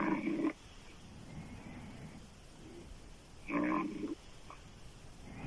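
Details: Adult female snoring loudly with open mouth, sounding like a man: loud, harsh snores recurring about every three seconds, separated by quiet breathing.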